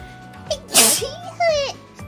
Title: Blessed Double Sneeze【】